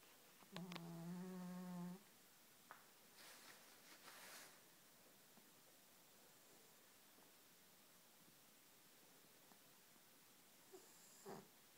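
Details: Fat orange cat sleeping: brief buzzing, humming snore, then quiet breathing and a few faint snorts; ordinary cat snoring.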